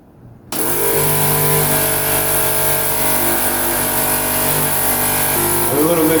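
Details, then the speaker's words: Suction machine switched on during an infant/neonatal suctioning demonstration, after connecting suction tubing: a steady motor hum with constant whine starts abruptly and keeps running to check that suction works. "so now I'm going to hold up to this and I'm going to connect this with my suction tubing I'm gonna put my suction machine on"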